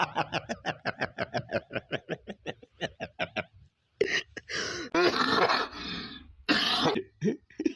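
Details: Laughter (Indonesian children's-game clip) giving way to several harsh, noisy coughs and throat clearing: cough mixed with laughter.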